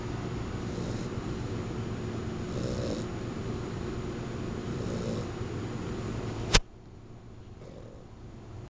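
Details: Puggle dog asleep, snoring heavily with loud, rough, rattling snores roughly every two seconds over room noise, then a sharp bump; likened to human snoring.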